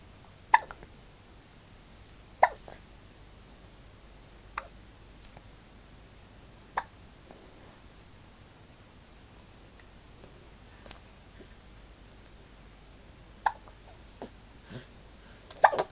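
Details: Sharp, brief hiccup bursts recurring about every two seconds, roughly eight over sixteen seconds, in a quiet room; hiccups.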